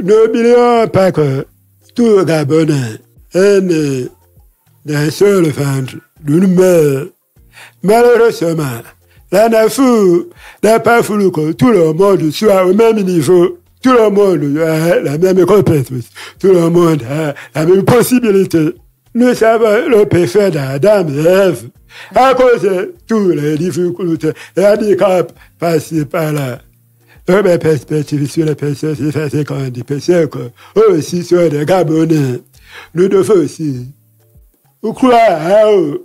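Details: Man with hearing loss from a childhood illness, lip-reads; he says his voice is not normal because of that illness; real French speech; deaf speech.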